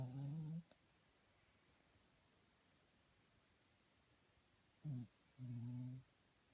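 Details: Sleeping female pet dog snoring: low, rumbling snores, one at the start and two more near the end, separated by quiet pauses.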